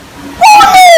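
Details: Child with a congenital laryngeal web (80% fusion) counting to ten loudly, voice quite high; abnormally high-pitched voice (congenital laryngeal web).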